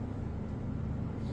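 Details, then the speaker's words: Automatic digital blood pressure cuff, fastened snugly enough to admit one finger, inflating on its own with pressure displayed; the reading then shows 127/77 with pulse 80. "जैसे ये चालू हो जाएगी। इसमें inflation अपने आप start हो जाएगी। ये जैसे कि अभी इनफ्लेट हो रहा है और इसमें प्रेशर दिखा रहा है।"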